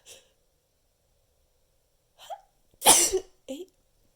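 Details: A sharp, loud sneeze burst with small catches of breath around it, part of a counted run of repeated sneezes; sneezing.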